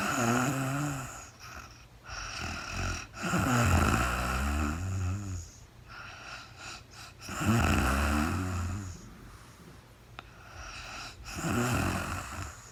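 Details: Real-time sleep recording of a woman snoring, no talking: deep, fluttering snores on each inspiration, about 15 breaths a minute, with softer breathing between; typical sleep snoring.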